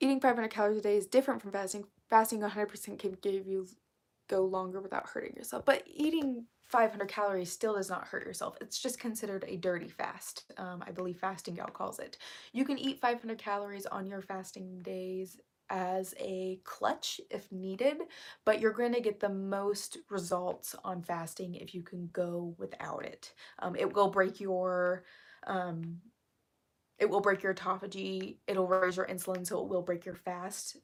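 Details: Woman with self-reported vocal fry, which she says is currently really bad and attributes to speaking quietly; vocal fry.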